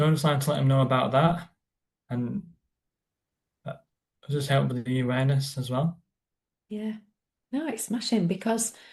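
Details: Adult man with a stammer, described as a neurological condition felt as blocks stopping words, occurring on any word, with silences while blocked; stammering (stuttering).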